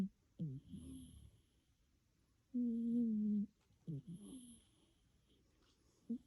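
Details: Snoring in a cat asleep on a Thursday night: soft rasping snores alternating with a buzzing, tonal breath sound in a quiet room.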